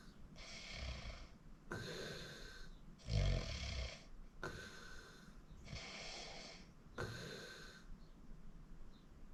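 Rhythmic rough, rasping snores on breathing in, about six in nine seconds, with soft room noise; loud snoring.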